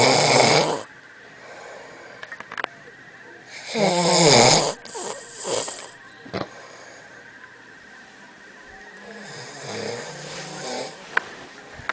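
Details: Loud, irregular rattling snores with snorting bursts and quieter breaths between them: snoring during sleep.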